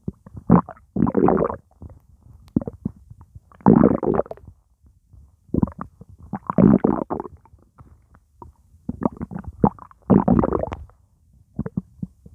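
Irregular bursts of bubbling, gurgling rumbles from the stomach with quiet gaps between; ordinary borborygmi from fluid and gas moving through the gut.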